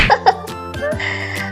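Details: Young child with fever-season illness and a hoarse voice: two quick cough bursts, followed by children's song music; cough.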